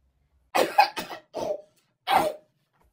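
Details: Morning cough on getting out of bed around 8:52 am: four short, dry cough bursts in a quiet room, the first two close together; cough.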